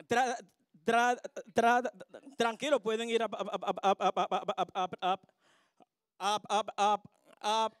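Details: Stuttering in a real adult male bachata singer, speaking as a guest on a TV show.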